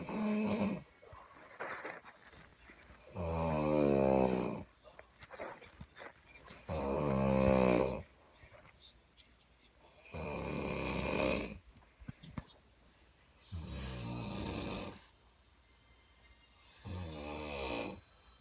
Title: Loud ass snoring from my mom